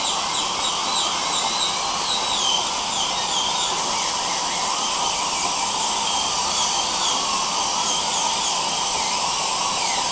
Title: Dental Drill & Suction, Dental Appointment, Drilling Tooth Sounds, Relaxing Dental Procedure Sounds